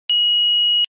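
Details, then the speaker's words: A single steady high-pitched electronic beep under a second as a Philips HeartStart FRx defibrillator powers on in infant/child mode with the infant/child key inserted, in a demonstration: AED power-on beep. "to initiate infant child defibrillation insert the infant child key to start the defibrillator press the green on/off button and follow the heart start fr X's voice instructions"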